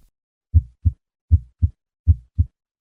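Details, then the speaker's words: Heartbeat about 78/min with a high-pitched, scratchy two-part rub having systolic and diastolic components; two-component pericardial friction rub. "the typical friction rub has two components but three component rubs may also be heard especially in ureic pericarditis"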